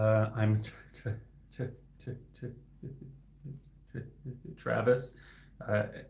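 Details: Adult male speech-language pathologist who stutters; repetitions heard; stuttering.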